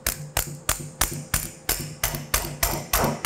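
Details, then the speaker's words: Ultrasound-guided MPFL repair, knee: repeated sharp mallet strikes, about three a second, as a self-punching knotless suture anchor is punched into bone at the adductor tubercle of the femur. "i'm now going to go ahead and get my self-punching knotless anchor and i'm going to basically just punch this in"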